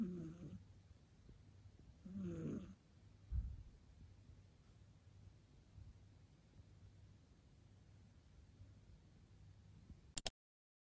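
A cat snores softly, with two low, rough snore breaths at the start, then quieter breathing over faint room noise.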